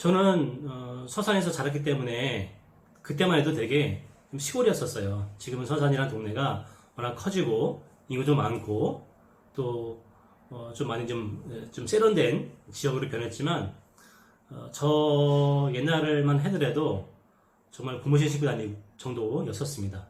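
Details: Adult man who stutters and has social avoidance because of it, who says he no longer has these experiences now: stuttering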